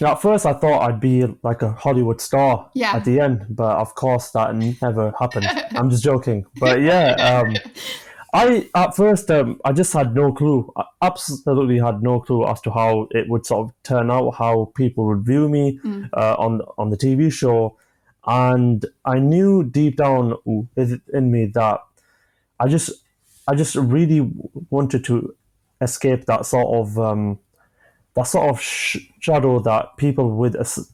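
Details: 25-year-old man who has stammered since early childhood, onset he attributes to an asthma attack; describes blocks and manages them with breathing methods and pauses; stammering (stuttering).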